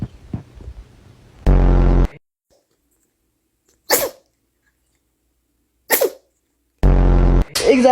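Two brief, sharp sneezes about two seconds apart, between louder droning noises and room sounds; a cat sneezing.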